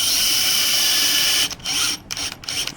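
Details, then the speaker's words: Simulated patellofemoral joint replacement on a saw-bones model: a power screwdriver's high, steady motor whine then short whirring bursts as the oblique screw, then the other screws, fix the guide on the femur; surgical power screwdriver. "Once we are happy with that position, the screws are inserted. Starting with the oblique screw first. So the first step is to place the oblique screws"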